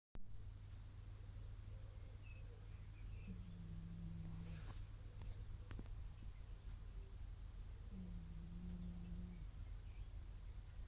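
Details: A sleeping cat snoring quietly: two faint, low, purring snores about five seconds apart, each lasting over a second, over a steady low background hum.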